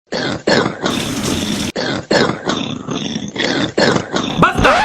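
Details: A child's acted, simulated fit of repeated harsh, throaty coughs in quick succession, ending in a voiced sound, in a comedy skit; cough.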